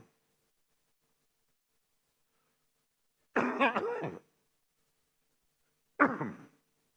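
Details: Two short bursts of coughing and throat clearing by Indonesia's president mid-speech in parliament, who apologized and blamed the cough on speaking too vigorously that morning; an ordinary cough.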